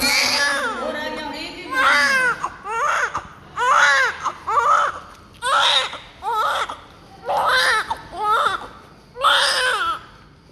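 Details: Rhythmic high-pitched crying in repeated bursts, about 30 a minute, with quiet adult talk early on, from a newborn just after birth, covered in thick vernix with blood, during cleaning; a normal vigorous newborn cry.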